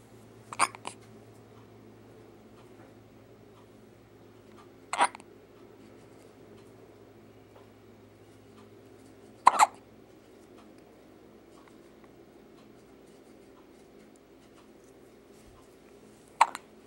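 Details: Four sharp hiccups in about 17 seconds, roughly every 4 to 5 seconds, in a quiet room.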